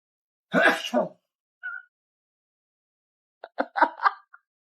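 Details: Cat sneezing: one explosive sneeze, a short squeak, then brief voice sounds.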